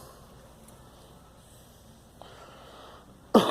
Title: Girl coughing